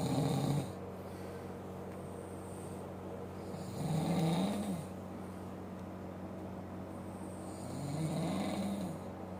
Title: Snoring Papa😂